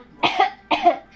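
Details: Voluntary fake cough from a 30-week-old baby who coughs on purpose when bored, frustrated or wanting attention: two short, light, voiced cough-like bursts, not from illness.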